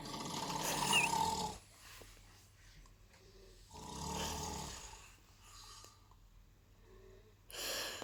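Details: Loud rough snores about every three seconds, alternating with softer breaths; heavy snoring.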